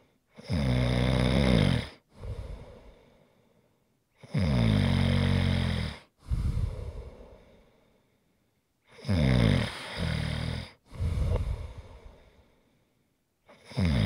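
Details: Loud, rattling snores alternating with hissing exhalations, about four breaths a minute, in a quiet room; snoring recorded as ASMR relaxation sounds.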